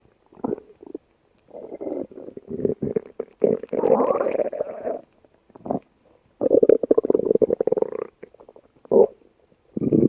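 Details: Bursts of low gurgling and rumbling with bubbly, rippling stretches and short quiet gaps: stomach growling (borborygmi).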